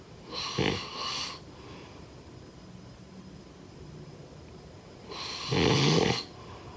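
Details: Snoring sound.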